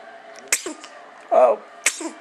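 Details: A person sneezes twice, sharp and explosive, with a brief inhaled lead-in between, in a quiet room; the person may have just finished eating. Sneezing.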